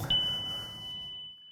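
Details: ZOLL AED Pro charging and shock tone during training on a manikin with simulated ventricular fibrillation, a shockable rhythm: AED charge and shock tone.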